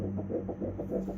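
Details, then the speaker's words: Ultrasound Doppler of an early fetal heartbeat at about 7 weeks' size (dated 6 weeks 5 days), embryo about 1 cm: rapid, regular whooshing pulses, heart beating well; normal fetal heartbeat. "심장도 잘 뛰고 있고요."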